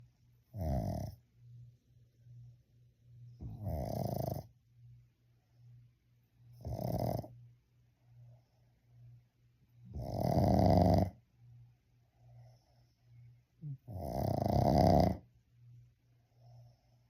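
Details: Pug asleep with eyes open, snore wakes it at the end; five loud rattling snores at irregular intervals with quiet breathing between and steady low hum; flat-faced dog snoring.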